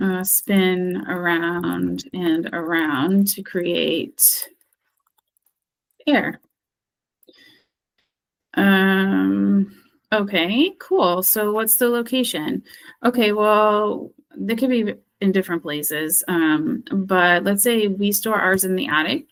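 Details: Acted: speech-language therapist role-plays expressive aphasia after stroke, unable to retrieve a target word and describing it by function, category, location and appearance (semantic feature analysis); anomia with circumlocution (expressive aphasia).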